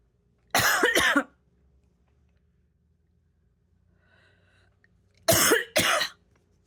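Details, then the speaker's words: Sneezing that the person says seems to be triggered by vaping: two paired sneezes in quick succession, separated by a few seconds of quiet room noise. "I've found something that makes me sneeze we'll see if it works or not but it seems like when I Vape I get real Sneezy so let's see"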